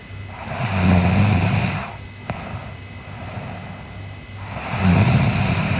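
Deep, rough snoring on inhalation, with quieter breathing between snores. The snores come slowly and regularly, a few seconds apart. Snoring during sleep.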